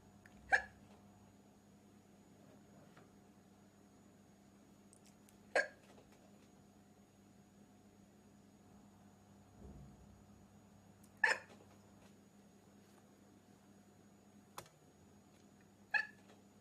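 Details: Woman in a black dress: five abrupt hiccups, roughly every five seconds, in a quiet room with a faint steady hum; hiccups.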